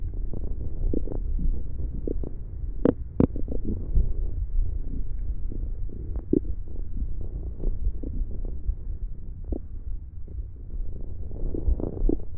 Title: ASMR This is the sound you were looking Stomach growling 💤